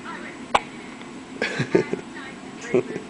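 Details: A one-day-old newborn lying on his father's chest has hiccups: a few small, abrupt hiccup sounds with soft vocal noises and room noise.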